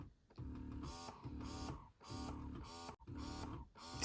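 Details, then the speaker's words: Vital Baby electric breast pump running at suction level 9, compared against the Spectra S1 for cycle speed: rhythmic motor whirring in quick, repeating suction cycles with brief pauses between strokes. "So we have gotten to number 9. And the Vital Baby still has a faster cycle speed than the Spectra S1. So if you're looking for high cycle speeds, this is a good pump for you."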